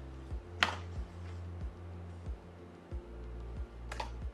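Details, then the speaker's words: Fetal heartbeat on Doppler ultrasound at 16 weeks of pregnancy: steady, evenly spaced low thumps, very rhythmic, at a rate of 141. "Very rhythmic the heart At this moment the frequency is in... 141"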